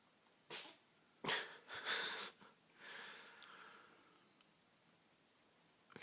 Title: sneeze